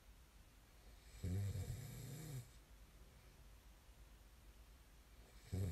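Two loud, low rattling snores on the in-breath with quiet pauses between them: typical sleep snoring.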